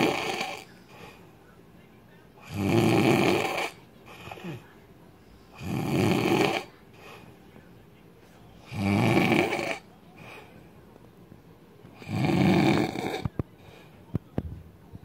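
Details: An adult man snoring loudly: loud, rough snores about every three seconds, roughly 19 a minute, with quiet pauses between; heavy snoring.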